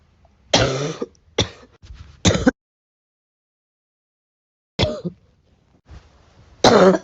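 Several short dry coughs mixed with repeated throat clearing, separated by a long silent gap.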